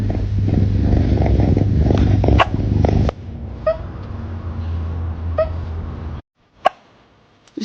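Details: Brief, sharp hiccups from a cat, each a short abrupt catch repeating every second or two over a steady hum, possibly after eating food too fast; cat hiccups.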